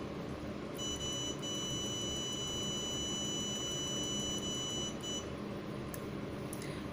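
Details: Rapid short high-pitched electronic control beeps over steady machine hum from a CO2 fractional laser unit while its power, energy and duration settings are adjusted.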